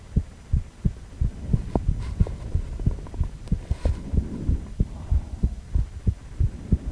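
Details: Rapid, regular low thumping heartbeat of a male heart recorded during cardiac ultrasound in 4-chamber view.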